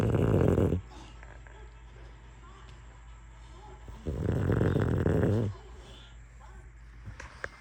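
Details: Sleeping, dreaming French Bulldog snoring: two loud, low, rattling snores about three seconds apart, with quiet breathing between.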